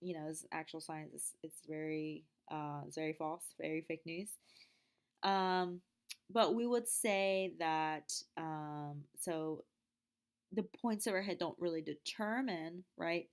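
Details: Wernicke's aphasia (fluent aphasia), imitated: a lecturer reads example sentences of the kind people with Wernicke's aphasia might produce, not a real patient.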